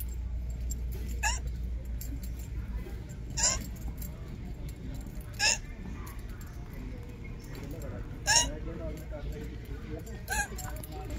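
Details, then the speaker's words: Five short, sharp hiccups two to three seconds apart over store noise, in a person with recurrent hiccups for several years, walking around a shop; uncontrollable hiccups. "I'm in Mississauga Ontario shopping that Dollarama with my mom and my hiccups I started so I thought I would walk around while she shops and do this video let's see what happens"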